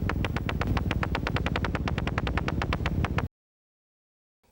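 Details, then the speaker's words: Needle EMG: rapid, regular crackling pops of polyphasic motor unit potentials, including small-amplitude nascent polyphasic MUPs of mostly normal or long duration, often mistaken for myopathic potentials. "For the most part, however, these potentials have normal or long duration. Watch and listen to polyphasic MUPs and nent polyphasic MUPS."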